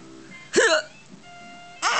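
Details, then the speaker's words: A mother's hiccups: a sudden sharp voiced catch, a pause, then a second abrupt onset over faint background music, while she asks her laughing child if Mommy has hiccups; hiccups. "Does Mommy have hiccups? Does Mommy have hiccups?"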